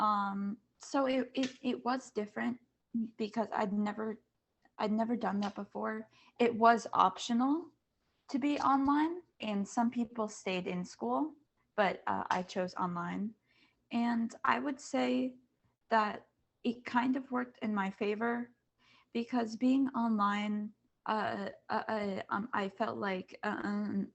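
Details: Panelist who stutters, on a panel of kids, teens and adults who stutter, back at school after online classes; says masks make them even harder to hear. Stuttering.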